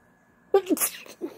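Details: Female, sneeze induced using a hoodie string: a voiced in-breath wind-up, then one sharp, wet, partly stifled burst of air, a single sneeze.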